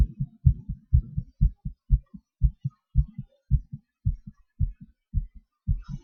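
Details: Self-recorded heartbeat during breath-holds and panting/hyperventilation: clear, regular paired lub-dub beats at about 120 a minute with no extra sounds between them; normal heart sounds, fast rate.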